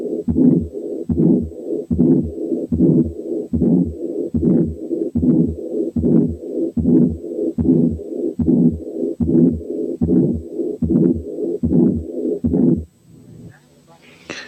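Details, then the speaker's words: Combined aortic stenosis and aortic incompetence: a regular heartbeat near 74 per minute, with murmurs in both systole and diastole forming a to-and-fro murmur rather than a continuous one. "عرفناها؟ دي كانت combined aortic stenosis and aortic incompetence عاملة to and fro murmur."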